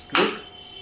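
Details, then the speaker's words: A single sharp snapping click as a focused shockwave therapy applicator fires one shot in manual mode, held on the demonstrator's hand. "I'm getting the shot. Click getting the shot. Click getting the shot."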